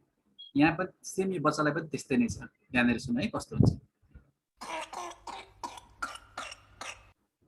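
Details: Child's whooping cough (pertussis) paroxysm: a run of rapid coughs in close succession with strained, voiced gasps for air.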